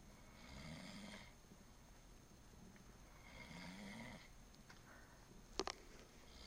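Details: Two slow, soft, low rattling breaths about three seconds apart from a sleeping friend, with a brief sharp noise near the end; snoring.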